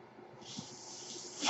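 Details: The podcaster's own mechanical ventilator: a steady hiss of airflow begins and builds in strength as it delivers a breath.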